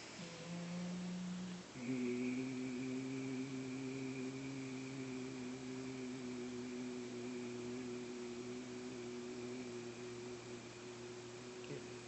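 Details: Adult male whose voice became weak and strained after illness, trailing off on a sustained 'E' with squeezing, pushing effort in voice therapy: weak voice trailing off on sustained vowel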